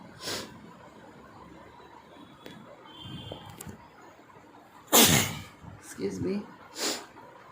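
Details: Mix of real and acted sneezes, with "Achoo" and "Excuse me" said around them: a few sharp bursts of air with a loud sneeze-like burst mid-clip in a quiet room; some sneezes may be acted.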